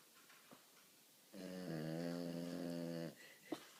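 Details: Sleeping French Bulldog snoring very loudly: one drawn-out, buzzing, tonal snore on the in-breath in a quiet room.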